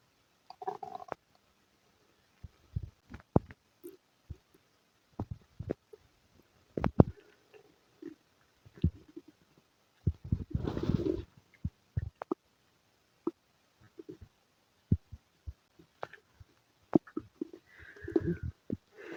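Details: Gurgles, short pops and a longer rumbling burst in a quiet room; active stomach rumbling with diarrhea and flatulence noted: borborygmi.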